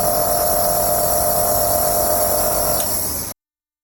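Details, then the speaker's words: Compressor nebulizer machine, switched on from the back switch, mist visible, with a mask attached: steady loud buzzing hum running continuously, then cut off abruptly. "और आपको पीछे से इसका जो switch है उससे start कर देना है। यह देखिए भाप आना आपको दिखाई दे रहा होगा।"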